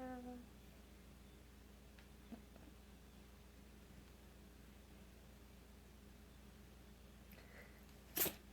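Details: A cat sneezing: a quiet room, then a single short, sharp sneeze near the end.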